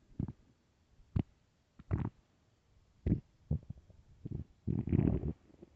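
Loud, low, gurgling rumbles in irregular bursts, ordinary stomach growling from an empty stomach.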